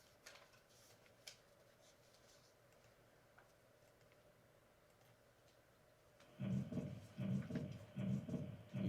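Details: Atrial septal defect murmur: after quiet room noise, a heart recording plays rhythmic low thuds blurred by a rough murmur, with a slight lag.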